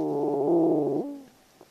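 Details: A person's stomach gurgling in the morning, a single drawn-out, squeaky tonal gurgle about a second long, then fading away (borborygmi).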